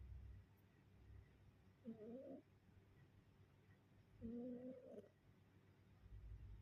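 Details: Sleeping cat makes two soft, tonal, humming snores a couple of seconds apart over quiet room noise: snoring during sleep.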